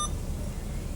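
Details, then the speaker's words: Syringe pump start beep: a single brief beep over steady machine hum as a pediatric syringe pump is started, infusing an antibiotic at 21.8. "10.9 and see how my rate has started as I have hit the duration so I'm going to hit start"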